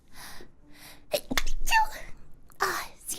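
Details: Two small, high-pitched sneezes after a quick sharp intake of breath during a livestream, faint background music.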